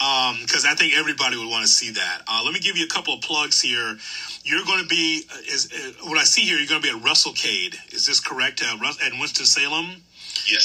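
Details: Adult man; typical speech.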